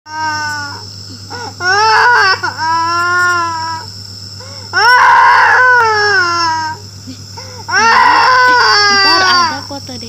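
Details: Child crying during steam inhalation (UAP) treatment for cough, flu and dengue fever: loud, sustained wailing with breaths between, over a steady machine hum.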